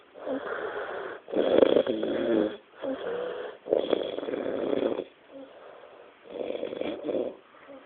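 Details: Loud, rattling, flappy buzzing snores repeating in quick succession; heavy snoring of a friend asleep after a Christmas night out.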